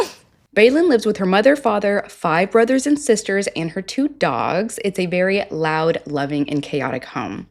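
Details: Adult female narrator; Normal speech.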